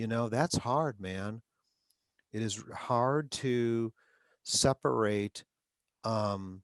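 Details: Adult man who stutters, with frequent interjections such as 'um'; stuttering.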